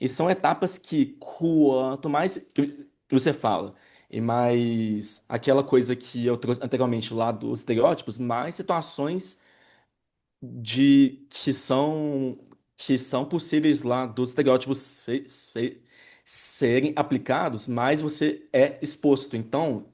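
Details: Adult Brazilian Portuguese-speaking man who identifies himself as a person who stutters: stuttering.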